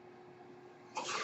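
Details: Speaker's own mechanical ventilator heard while the user talks during a podcast recording: a quiet steady room hum, then an abrupt rush of airy hiss as a breath is delivered or released; a mechanical ventilator breath cycle.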